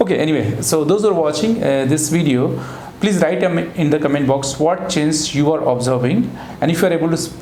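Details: Adult man speaking; normal adult speech.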